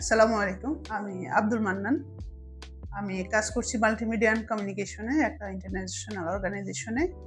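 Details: Adult man with puberphonia since childhood, causing an abnormally high-pitched voice, recorded before voice therapy; puberphonia.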